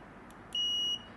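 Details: A faint click, then a clear, high electronic beep lasting under half a second from an Easyinsmile endodontic motor unit with apex locator, during a product demonstration.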